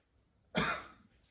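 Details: On request during a physical assessment, after lung sounds were clear without wheezing, an adult gives a single brief voluntary cough with sharp onset and quick fade, sounding dry and unremarkable.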